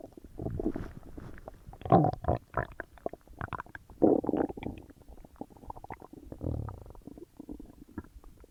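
Irregular gurgling, bubbling and rumbling noises: loud bowel sounds from digestion after a large meal.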